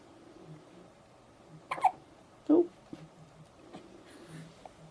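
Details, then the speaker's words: Baby boy awake in the morning, looking around, on day 2 at home, with the hiccups; two abrupt hiccup sounds close together against soft room noise. "He's awake this morning, looking around. And he's got the hiccups."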